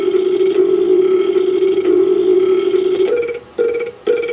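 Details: Deliberate comic burping in a 1986 home camcorder skit: a long, drawn-out tonal belch of about three seconds, followed by shorter burps.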